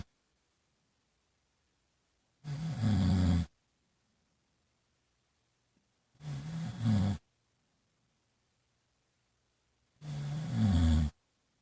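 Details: Three loud, rough, low snores about 4 seconds apart with silence between, roughly 16 a minute; snoring.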